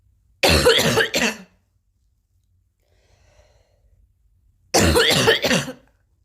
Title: and coughing again